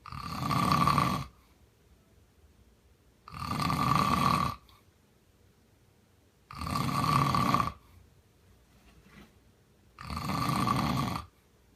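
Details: Loud, rough inspiratory snores about every three seconds, roughly 19 a minute, with quiet pauses, from a sleeping adult man who denies snoring; ordinary snoring.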